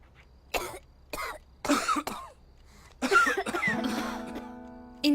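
Five or six short, harsh acted coughs from an adult, then a sustained musical tone; a plain cough.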